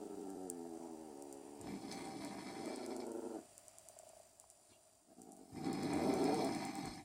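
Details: Adult man snoring in sleep, low and rattling, while a pet dog growls at the sound; brief pause then a louder rough burst; snoring.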